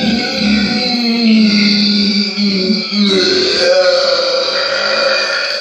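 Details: Burping: a long, loud, drawn-out belch with a low rumbling, croaking tone over background music, from a burp compilation.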